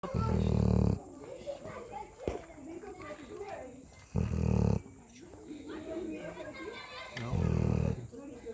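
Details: Puppy snoring: loud, low, rattling snores about every three to four seconds, with quieter breathing and faint talk in between.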